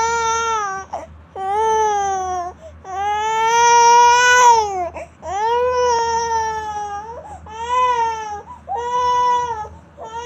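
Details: Baby boy upset to the point of coughing: strong, sustained wailing cries with short gasping pauses in a small room; infant crying.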